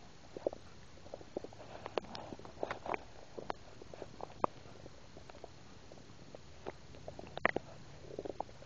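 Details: Adult recorded while eating a burger and drinking soda, having swallowed air: frequent soft gurgles, pops and squelching clicks as air and fluid move, active bowel sounds (borborygmi).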